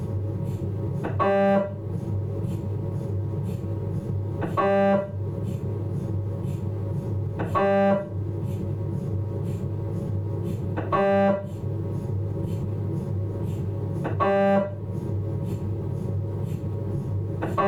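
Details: Abdominal MRI on a Philips 1.5T scanner during a T2 fat-saturated sequence: steady low hum with a loud buzzing tone burst about every 3 seconds; MRI scanner noise.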